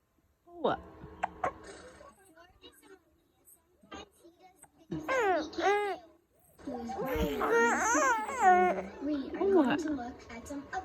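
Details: Infant babbling and fussy crying with a few brief, sharp hiccup sounds early on in a quiet room; a baby with hiccups.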